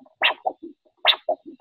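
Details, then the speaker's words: Handheld Doppler probe held at about 45 degrees pointing toward the heart, light pressure, sliding in gel, in a podiatry vascular assessment: two whooshing arterial pulse signals, each a sharp rise with softer trailing echoes. "a lot of podiatrists particularly the pulse is quiet you can just hear it you might press harder and then lose it okay so just sliding around in the gel 45 degrees"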